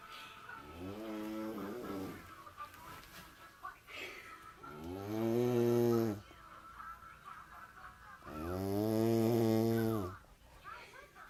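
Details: Man heavy snoring: loud, rattling, tonal snores on in-breaths, about three in eleven seconds with quieter breathing between; snoring.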